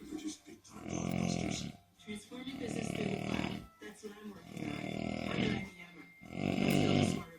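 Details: Loud, rough snores in long, drawn-out rattling bursts with short gaps; acted snoring in a comedy sketch.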